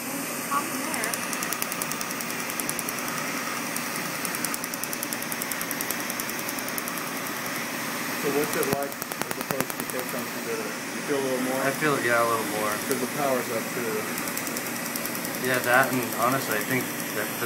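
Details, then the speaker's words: Laser tattoo removal treatment: rapid, sharp snapping clicks of the laser firing on the skin, with people talking. "the laser kind of cooks the light. You think what? The laser kind of zaps and cooks the light."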